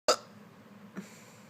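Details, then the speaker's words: Adult woman with recurrent severe hiccup fits after gastric bypass surgery, painful in her abdomen: a sharp, abrupt hiccup with a fainter second catch about a second later, in a quiet room; hiccups. "hey everyone it's nicole i am in the middle of a huge hiccup fit and hiccups have been the bane of mine's existence since surgery"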